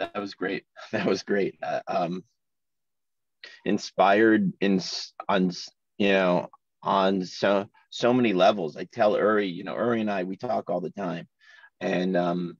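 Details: Man in his 40s who has stuttered since childhood, in natural conversation: stuttering.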